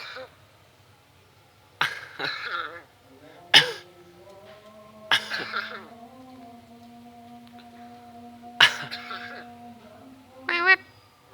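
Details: 8-year-old red-headed lory (parrot) imitating human coughing and other human sounds: sharp cough-like bursts between whistles, an imitated cough, not illness.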